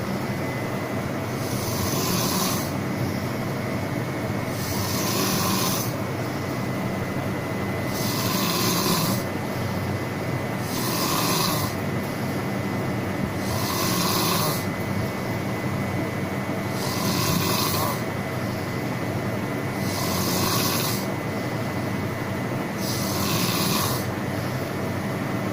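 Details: Rhythmic, rough snoring recurs about twenty times a minute over a steady low background hum, recorded in staff accommodation.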